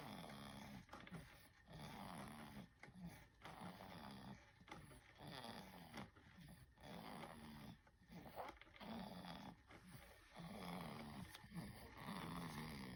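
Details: Sleeping baby, soft rhythmic slightly growly snores about 35 a minute in a quiet room; snoring.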